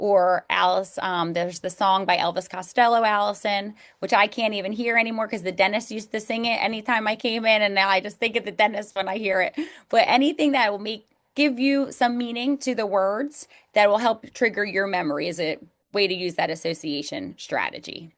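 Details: Adult woman speaking; normal speech.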